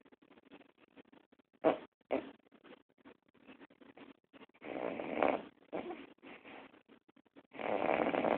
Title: Chihuahua Snoring